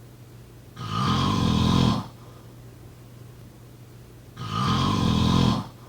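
Two long, harsh snores with quiet gaps between, about one breath every three and a half seconds, over a steady low room hum: snoring.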